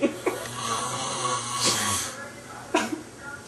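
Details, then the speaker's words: Loud snoring from a sleeping man, heard from another room and not woken by a thrown pillow: low, rough rumbling breaths with noisy bursts. "no you're snoring so loud I we can hear you in the room dude"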